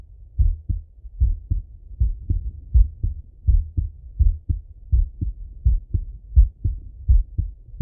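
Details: Male heart auscultated with a stethoscope, recorded sitting at a desk or lying in bed: normal heart sounds.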